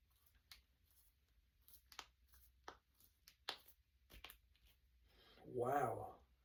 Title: Cracking my fingers and knuckles. #cracking #crackingasmr #jointcracking #knucklecracking